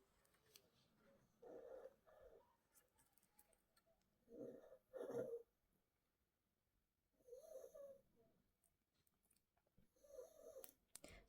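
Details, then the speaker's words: Gracie snoring in the background during a jewellery tutorial: soft, regular low nasal rumbling bursts about every three seconds, roughly 20 breaths a minute, in a quiet room; snoring. "That's Gracie snoring if you can hear loads of noise."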